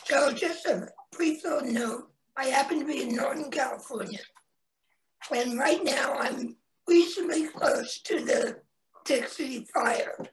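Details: Adult man, 25 years after total laryngectomy for head and neck cancer in 1996 at age 41, with primary tracheoesophageal puncture and secondary prosthesis placement; tracheoesophageal speech after total laryngectomy.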